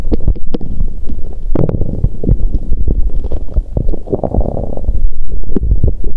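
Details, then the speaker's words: Bowel sounds from an adult woman's abdomen on menstruation day 2, after abdominal pain settled: continuous low gurgling and rumbling with frequent irregular bursts and squelches, still rumbling. ""まだゴロゴロ鳴っている…"。"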